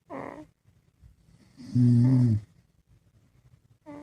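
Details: Dad and baby snoring together while asleep: one loud, deep, vibrating snore between quieter breathing sounds; ordinary sleep snoring.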